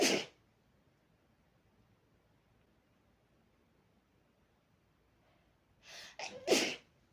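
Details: Person with face buried in a fluffy pillow, sneezing into it: two sneezes, the second a quick double burst, separated by a long quiet stretch.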